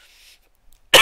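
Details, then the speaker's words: Streamer recovering from a week-long illness, on antibiotics three times a day and about 90% better: near silence, then a single abrupt, harsh cough burst cut off at the end; cough. "you can hear me cough a little bit i'm i'm feeling much better now"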